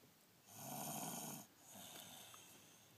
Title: After school snoring